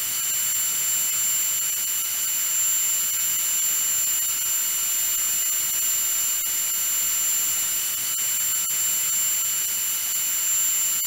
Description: Sound effects of a dentist drill.